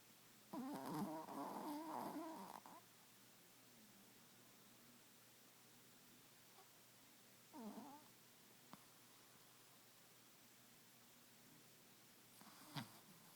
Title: Snoring Tibitian Spaniel